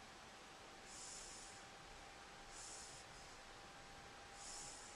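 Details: Light snoring during sleep, recorded with a Flip Video camera: soft, hissy breathing noises repeating about every 1.7 seconds over a steady background hum.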